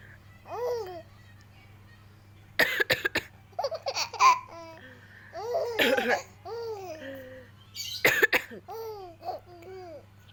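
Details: A mother coughing while laughing: about three clusters of sharp cough bursts blended with high squeaky laughter.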